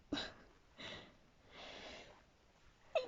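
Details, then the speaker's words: Painful, unusual sneezing fit at 2:40 a.m., described as kind of feminine sneezes: two or three soft, high-pitched sneezes with breathy intakes between them, in a quiet room. "that's not how I usually [Music] sneeze excuse me that's how I usually sneeze oh God what is this excuse me God that's painful"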